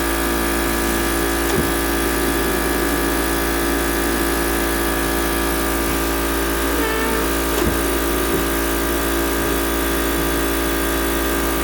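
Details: Steady mechanical blower hum with a few faint clicks and no clear cough: a mechanical insufflation-exsufflation cough assist machine.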